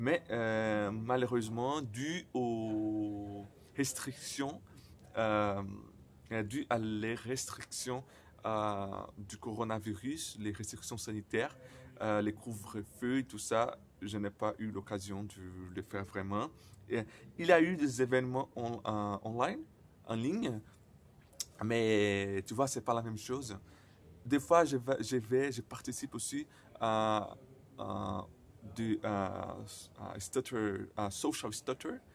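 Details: Man who stutters, speaking non-native French, who says his stuttering often involves silent blocks; stuttering.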